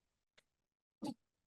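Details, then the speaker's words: Pet dog sneezes once, a sharp nasal burst after a small snort, in a quiet room. "yeah uh I a sneezing dog I don't know if you can hear that but my dog is sneezing"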